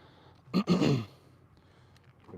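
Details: Two quick, rough guttural bursts, the second longer, in a quiet room: a person's throat clearing during a horse chiropractic session on a sore horse suspected of ulcers.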